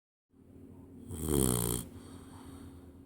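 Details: 12-week-old Labrador puppy settling into evening sleep and suddenly snoring like a human: one low, rattling breath rising and fading over room noise.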